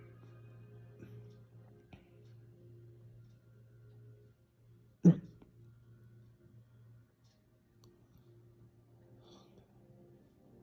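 A single sharp, abrupt hiccup sound, possibly with fainter ones earlier, heard over a steady low hum in a small room.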